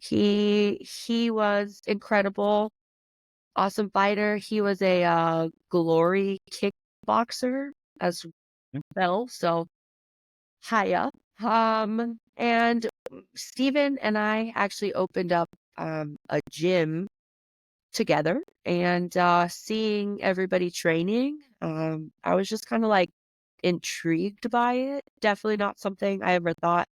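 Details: Adult woman, a professional fighter, who has stuttered since about age 2 or 3, speaking in an interview: stuttering.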